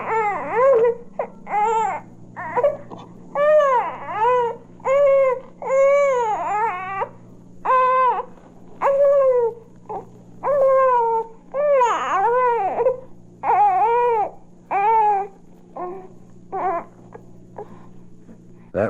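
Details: Normal infant cry, from a 1967 recording of baby sounds for expectant and new parents.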